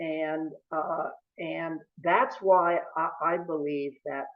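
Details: Older adult male lawyer who has stuttered since age 2 or 3, once depressed enough to see a school psychologist; his father and brother also stutter; stuttering.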